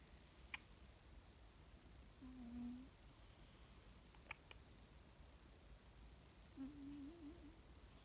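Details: Two low, humming snores from a sleeping cat, separated by a quiet pause, in a small quiet room: cat snoring.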